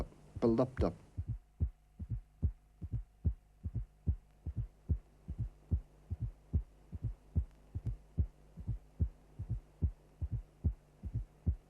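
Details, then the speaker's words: Simulated heart sounds from a cardiac auscultation teaching programme: a steady, regular rhythm with a soft, low-frequency presystolic thud just before each first heart sound, timed against the carotid pulse; a fourth heart sound (S4 gallop). "The fourth heart sound is soft and low in frequency. It is never loud but is always significant. Okay, let's listen to an example of a fourth heart sound."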